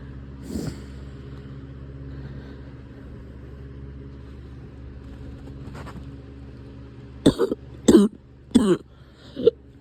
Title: Cough is back